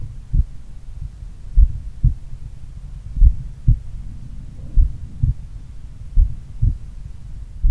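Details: Self-recorded morning auscultation of a person in regular daily cardio training, taken at pulmonary, Erb's point and mitral sites: slow, regular, crisp lub-dub normal heart sounds at about 40 beats a minute.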